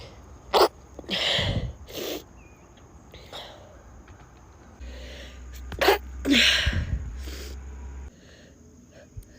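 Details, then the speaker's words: Two sneezes from a girl, each with a sharp in-breath and a forceful burst, separated by sniffs, over a steady background hum. "Oh, now I can't stop sneezing. Okay, thanks guys. We got there."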